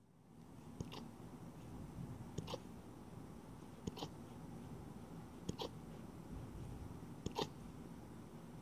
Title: More Husky Puppy Hiccups